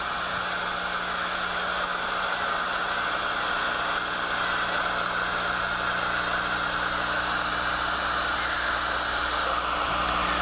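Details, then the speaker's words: High-speed dental handpiece held perpendicular to the occlusal surface, cutting the central groove during occlusal reduction of a mandibular left second primary molar for a stainless steel crown, rubber dam in place: a steady high-pitched whine with slight wavering. "Orient the handpiece perpendicular to the occlusal surface and use light brushing strokes to begin the preparation of the central groove."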